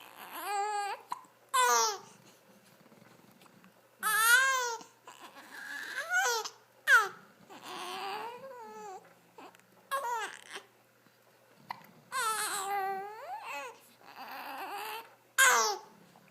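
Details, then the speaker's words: Repeated short, rising-and-falling wails and fussing cries with pauses between, from a baby who often has hiccups, in a small quiet room; infant crying. "No, no reason to cry, baby."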